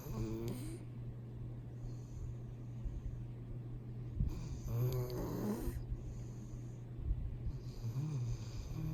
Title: Snoring Pitbull Buddy the cutest dog in the world